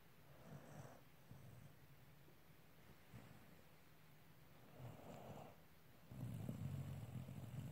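Soft, low rumbling breaths with snorting bursts against room noise; snoring from sleeping dogs.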